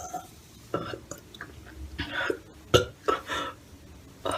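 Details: Run of low, rumbling burps in close succession with soft breathy sounds between them; burping.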